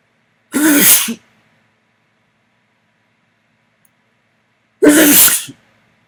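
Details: Two loud, sharp sneezes a few seconds apart, sneezed onto a mirror, each a voiced burst with a hissing spray release; ordinary sneezing.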